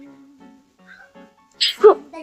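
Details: Single sharp sneeze burst with a brief voiced tail after quiet background sounds, over soft music, from a sneeze prank video.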